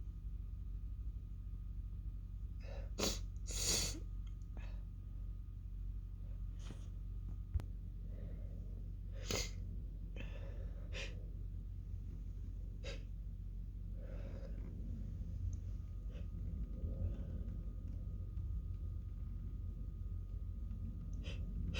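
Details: Woman's sneezing fit, almost fully stifled except the end: run of muffled, held-back sneezes, brief snorts and puffs of air with quiet breathing between, in steady low room hum; stifled sneezes.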